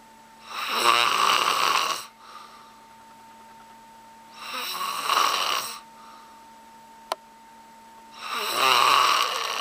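Three loud, harsh, rattling snores on the in-breaths, about 16 breaths a minute, with quiet pauses between them.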